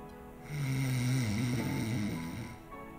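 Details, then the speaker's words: Sleep apnea education: one long, low, rattling snore on a single inhalation, faint music behind; obstructive apnea shows stomach moving without airflow; snoring with obstructive sleep apnea. "yeah I mean you made the comment that you can see his stomach still moving like he was breathing but you didn't hear any air going out in and out with sleep apnea"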